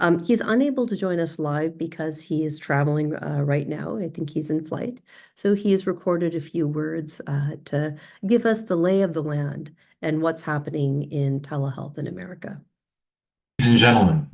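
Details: Adult speakers in a small room; normal speech.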